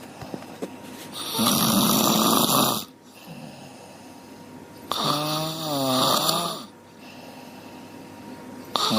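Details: A sleeping dog gives two long, loud rattling snores with a squeaky, wavering tone and quiet breathing in between; dog snoring.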